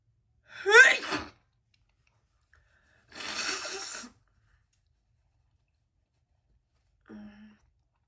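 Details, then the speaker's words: Repeated sneezing by an adult woman during a sneeze-holding attempt that didn't last long: a voiced sneeze, then a second breathy sneeze, then a short sniff; ordinary sneezing. "we gonna see how long i can hold a sneeze in so we gonna try that okay it didn't last long"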